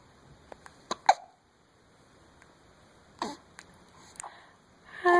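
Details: A few short, abrupt hiccup sounds with quiet gaps between them from a 6-week-old baby in a small room: hiccups.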